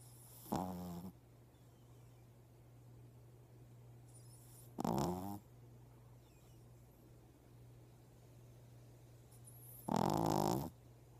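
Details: Three loud, rattling snores about every five seconds from a small sleeping animal, over a steady low hum.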